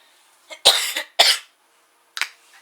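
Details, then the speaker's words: Three short, harsh coughs in a quiet room from an asthmatic 18-year-old at night, who says she coughs a lot at night. "I don't usually record this late at night so you usually don't see this but I cough a lot at night cuz asthmatic so yeah just bear with me please"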